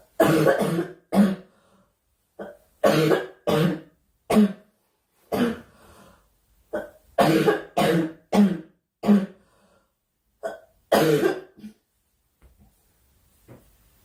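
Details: A girl, who says she is sick and wants the coughing to stop, gives repeated short coughs, mostly in pairs and threes, about fifteen over fourteen seconds, with brief pauses; cough.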